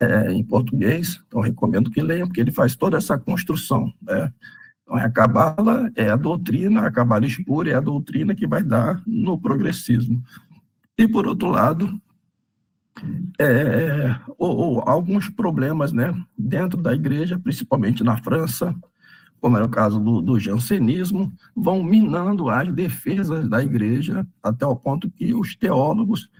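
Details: Adult man with spasmodic dysphonia treated with botulinum-type toxin injections; the effect is wearing off, so his voice is worse than last time. Signs return 3–4 months after each injection, with the next due early July.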